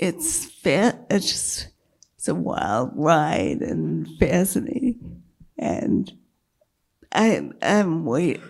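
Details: Woman with multiple sclerosis and a failing diaphragm, struggling to keep her voice, with an earlier brain lesion that caused total speech loss and word-finding difficulty; dysphonia in multiple sclerosis.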